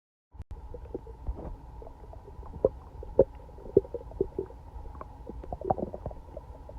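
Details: Day after eating Chinese food and being sick all night: frequent gurgling, bubbling abdominal sounds with irregular louder pops, like something swimming in the belly; loud active bowel sounds (borborygmi).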